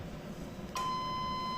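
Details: Electrosurgical unit in blend (combined) mode set to 20, during a lab demonstration of its waveforms on an oscilloscope: room noise, then a steady high-pitched activation tone begins and holds.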